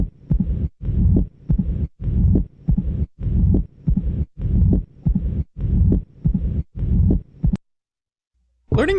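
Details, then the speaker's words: Slow heartbeat, about 50 a minute: opening snap and a low rumbling diastolic murmur with presystolic reinforcement filling each pause after the second sound: mitral stenosis with opening snap and diastolic rumble. "ese es el reposo preso histórico que corresponde pues al soplo diastólico del estenosis mitral"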